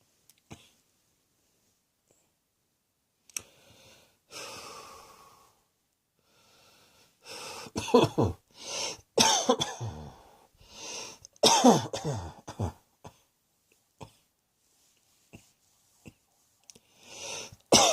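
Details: Coughing: repeated harsh cough bursts in clusters, with quiet breaths between, in a small room.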